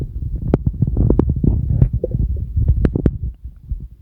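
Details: Bowel sounds (borborygmi).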